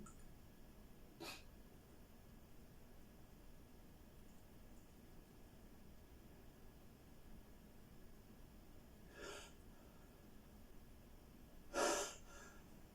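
Three brief, sharp bursts of air over quiet room noise, the last loudest, fitting a run of sneezes.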